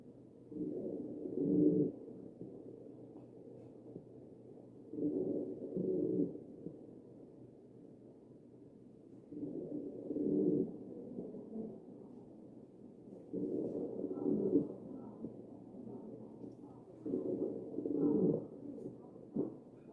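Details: Wheezing over the chest of a real mechanically ventilated patient.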